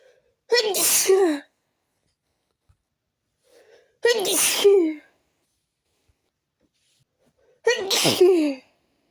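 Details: Habitual sneezing attack, not relieved by changing rooms: three forceful sneezes a few seconds apart, each with a short intake before the burst; repeated sneezing fit.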